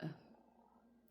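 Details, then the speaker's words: A brief low gurgle fading into a soft rumble: an adult's stomach growling just after eating, which she says happens more when she eats than when hungry. "that's my tummy growling if you can hear that which is funny cuz I already I just ate my tummy growls when I eat as opposed to when I'm hungry it makes a lot more noise the other way around"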